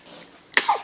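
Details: One brief, explosive sneeze after quiet breathing and a big yawn from a baby (Lucas); a single infant sneeze.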